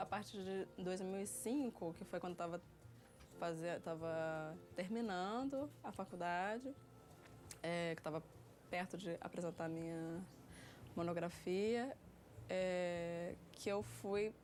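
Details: 30-year-old woman with developmental stuttering since early childhood that worsened around age 7, relapsed after speech therapy, and was severe by about age 9; her stutter involves blocks on anticipated words more than repetitions.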